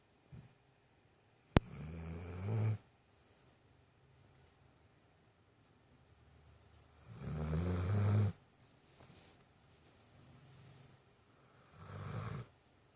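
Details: Dog snoring while asleep: three low, rattling snores about every five seconds, roughly 11 a minute, with quiet pauses between them; the owner jokes the dog could use a CPAP.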